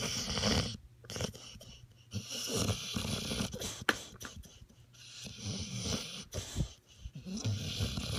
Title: Snoring pit bull